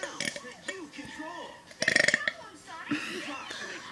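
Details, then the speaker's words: A 10-year-old girl burps deliberately and loudly for the camera amid playful chatter: a short, rough, voiced belch. "Yeah, I'm only 10, and I can burp pretty loud, so I'm gonna burp for you guys."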